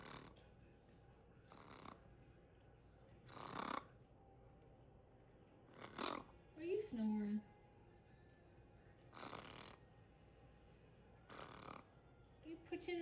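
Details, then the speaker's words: Parrot pretending to snore with eyes open: repeated short noisy snorts a few seconds apart over quiet room noise; imitated, not true sleep snoring. "You pretending like you snoring and your eyes aren't even closed. You snoring? That was you?"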